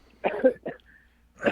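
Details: Adult caller on a radio show, recovering from a head cold described as flu without a temperature: two short, loose cough or throat-clearing bursts, then a third starting.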